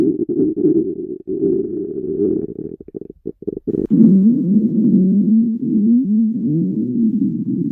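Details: Hungry girl's empty stomach: low gurgling rumbles, then a long wavering, groaning growl, hunger borborygmi.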